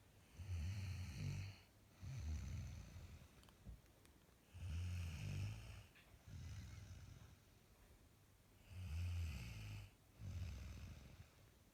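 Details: Regular low, rattling snores on each breath, with quieter exhalations between, about 15 breaths a minute, from a sleeping woman; ordinary sleep snoring.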